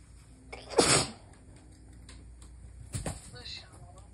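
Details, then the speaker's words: Nighttime stifled sneeze, held in to avoid waking a sleeping spouse: a muffled, held-back sneeze burst, then a second smaller stifled sneeze in a quiet room. "I'm sorry, Bean. I'm trying to keep it quiet. Yeah, I can tell. It's not working."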